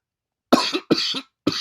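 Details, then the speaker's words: A sick adult man's cough during a livestream, a single cough called a gas cough. "Yes. That's the gas cough. I know, Sturdy. Thank you. It sounds like you have the China flu."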